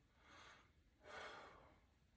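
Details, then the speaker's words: Male, stethoscope diaphragm on chest during a deep breath in and out: smooth soft airflow, bronchovesicular upper chest, vesicular over lung fields, clear and equal bilaterally, no wheezes or crackles; normal breath sounds. "he does have bronchovesicular sounds um in his upper chest and then um vesicular sounds over the long fields his lungs are clear and equal to auscultation bilaterally"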